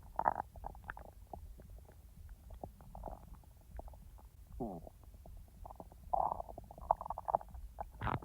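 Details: A person's own real stomach sounds, recorded when digestion was active but not in real time: soft gurgles, bubbling pops and a brief squeaky rumble scattered irregularly, normal bowel sounds (borborygmi).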